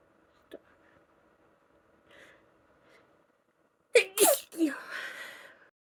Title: Desperate itchy allergy sneezes(f) talkie and a noseblow #congested #sneeze #female #allergies